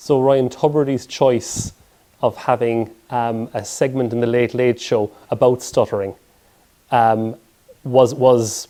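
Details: Adult male speaker; typical speech.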